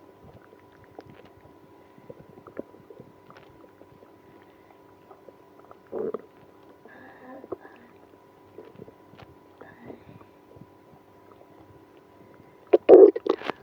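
Quiet room with scattered gurgles and two louder rumbling bursts of stomach growling, active bowel sounds linked to irritable bowel syndrome.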